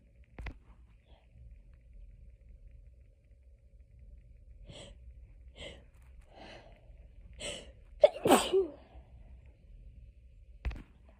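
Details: Hay fever sneezing fit, edited loop: a run of quick, soft sneezy breaths builds to one louder sneeze; repeated sneezing bout.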